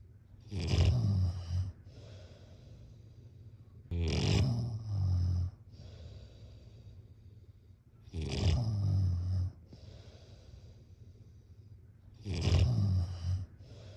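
Loud, rattling snores on each breath in, about 17 a minute, with quiet breaths out between; ordinary heavy snoring.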